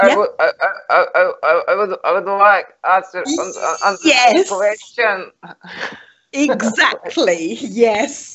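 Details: Adult imitating a stammer; stuttering (imitated).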